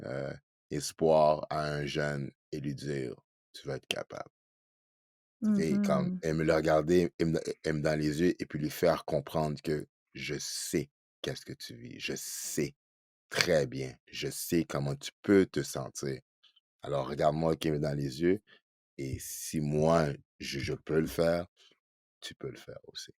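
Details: Adult man who stutters, speaking French; stuttering.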